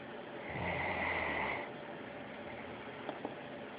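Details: Great Dane snoring: one low, rumbling snore on a breath, followed by quiet room noise and a couple of faint clicks.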